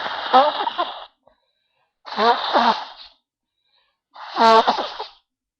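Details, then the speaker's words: Adult with a run of early-morning sneezing and watering eyes: three voiced "achoo" sneezes in a row, about two seconds apart. "I was just so sneezy this morning, and I thought I'd try to give you a few."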